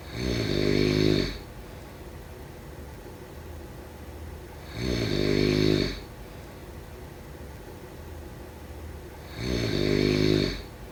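Regular loud rasping snores on each in-breath, about thirteen a minute, with quiet out-breaths between.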